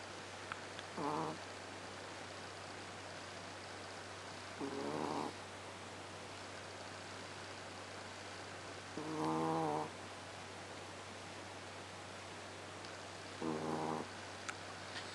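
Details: Female Chihuahua snoring in her sleep: four short rattly snores about four seconds apart, roughly 14 a minute, over a steady background hum.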